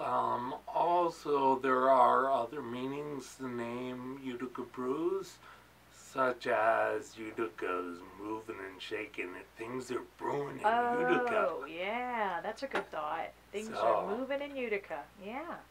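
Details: Man with ataxia; articulating takes effort, especially toward evening, and he slurs when excited: ataxic dysarthria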